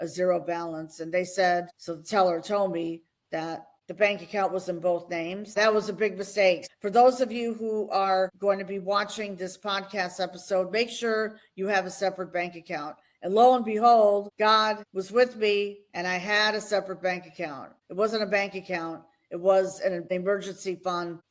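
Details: Adult woman speaking; normal speech.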